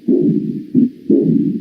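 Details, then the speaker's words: Austin Flint murmur heard at the apex (mitral focus) with the patient in left lateral decubitus: low rumbling mid-diastolic murmur from functional mitral stenosis caused by the jet of severe aortic regurgitation. "Este se debe a una estenosis mitral funcional causada por una reducción de la apertura de la valva anterior de la mitral debido al empuje ejercido por el chorro de regurgitación aórtica sobre ella. Es el soplo de Austin Flynn."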